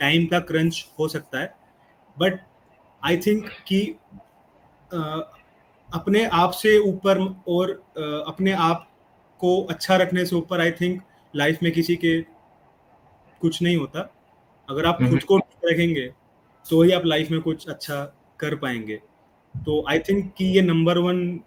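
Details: 25-year-old man who stammers, improved after a fluency course but still reports occasional blocks; stuttering.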